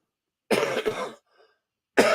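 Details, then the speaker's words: Dry cough: a short, harsh, non-productive cough with throat clearing from a woman with a throat tickle that won't clear, then another cough beginning. "Oh, excuse me. I have a tickle in my throat that don't want to come out. Y'all hear that dry cough? It don't want to move, but okay."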